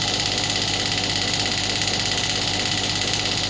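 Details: Demo of a 12-bar pneumatic shockwave therapy machine (with ultrasound applicator) started and applied on own hand, intensity raised to about 7–8 bar; loud, rapid, steady mechanical pulsing around 167 per minute with hissing air-driven buzz.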